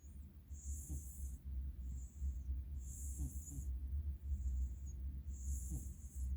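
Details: Sleeping cat with very bad allergies snoring: soft, rhythmic low breathing sounds about every 2.5 seconds against steady background hum.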